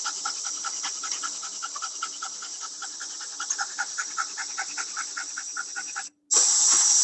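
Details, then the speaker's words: Dog panting, used in teaching as an analogy for high-frequency oscillatory ventilation: rapid, continuous, shallow huffing at about 150 breaths a minute with no clear inspiration or expiration, sounding like a high-frequency oscillator. "The dog breathes at a very, very high breath continuously. And the sound is just akin to the sound of a high frequency oscillator running."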